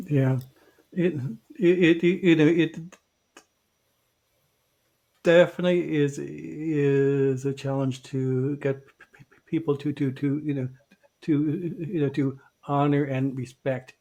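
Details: Podcast co-host who identifies himself as a person who stutters. Finding: stuttering.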